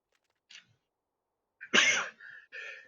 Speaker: I got to sneeze first God I dropped down to 15 frames per second there my computer must have know known I was going to sneeze